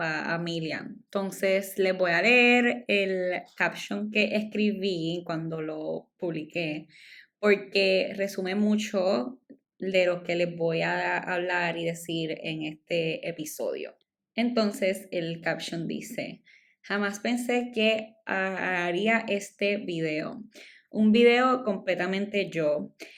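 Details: Adult woman, stuttering since childhood, speaking Spanish; she says it is stronger in Spanish than in English, and milder when recording alone; stuttering.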